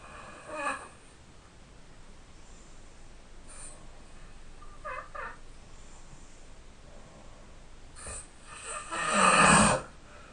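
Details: Loud snoring during sleep, loud enough to wake the sleeper: faint irregular breathing noises over steady room hiss, ending in one loud, rough breath.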